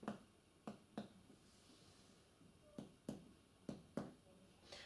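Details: Simulated casualty, respiratory assessment: six sharp percussion taps on the anterior chest in quick pairs comparing both sides, down the intercostal spaces to the fourth intercostal space near the nipple line on a male.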